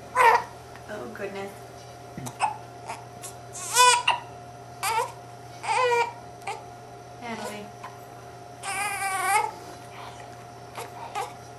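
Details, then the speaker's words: Baby girl with hiccups, recently fed: brief fussy infant cries and whimpers in short bursts between quiet gaps, low room hum behind; infant cry. "Good to know hiccups. Hiccups are so unfun. Got those hiccups. She's bad."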